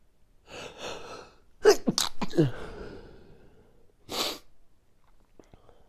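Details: Late-night sneezing fit before sleep: a quick run of sharp, explosive sneezes with catching in-breaths, then a final sneeze after a short pause.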